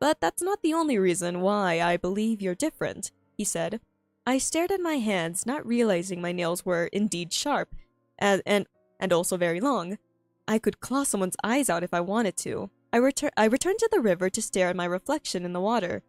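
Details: Female streamer who says she stutters a lot and finds reading difficult, reading her own story aloud; repeated phrases and fillers heard; stuttering.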